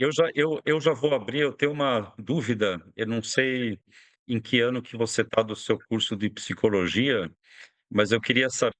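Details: Adult speaker; typical speech.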